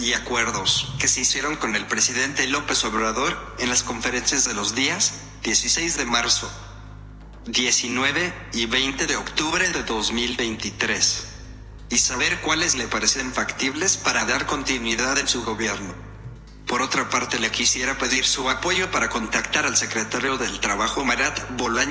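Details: AAC speech-generating device; synthesized speech from an augmentative and alternative communication (AAC) device.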